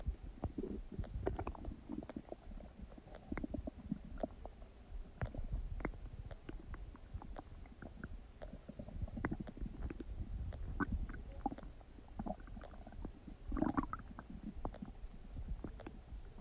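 Continuous low gurgling and rumbling with scattered sharp pops and squelches, typical of active bowel sounds during digestion.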